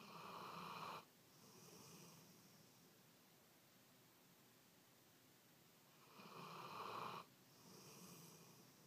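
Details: Sleeper lying on a pillow in bed snoring: two long, rattling in-breath snores with quieter out-breaths between, about 7 breaths a minute; ordinary snoring.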